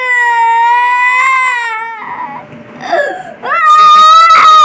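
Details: Young child crying loudly in sustained high-pitched wails with a softer sobbing break, after taking cough medicine and wanting water.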